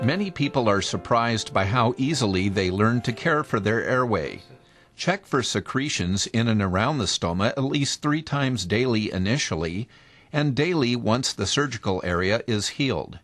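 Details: Adult male narrator; plain speech.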